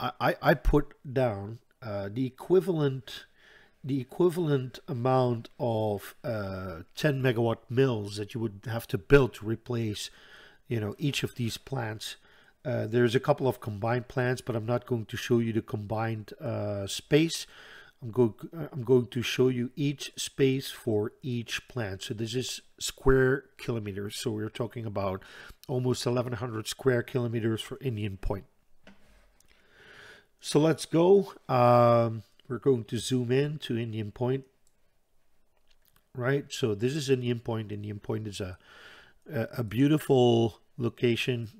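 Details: Stuttering in an adult Dutch man who reports a stutter that is audible all the time, a type in which he always hangs up between his words.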